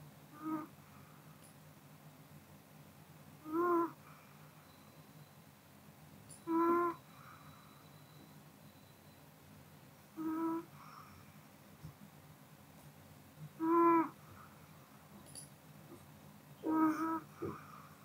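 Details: Pomeranian (female) asleep, soft nasal whistling snore on each breath, about 20 breaths a minute, in a quiet room; harmless sleep snoring.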